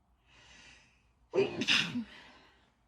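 A soft indrawn breath, then one forceful, hissing sneeze that trails off into a breath.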